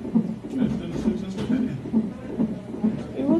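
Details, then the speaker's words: Rhythmic whooshing fetal heartbeat of a breech baby on a Doppler monitor during admission for an ECV procedure, about 135 beats a minute, within the normal fetal range. "You can hear her heartbeat really good now. That's her heartbeat you"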